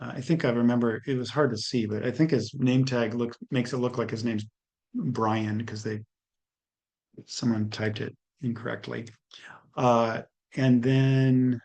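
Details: Adult lecturer; normal speech.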